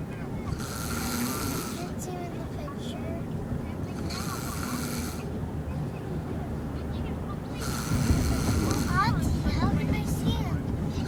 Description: I love my brother. Snoring in the car.